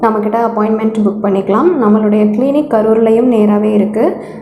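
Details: Adult woman speaking Tamil; normal fluent speech.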